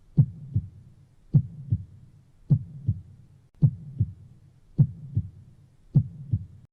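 Clear, regular lub-dub heartbeat at about 52 beats a minute, with no other sounds.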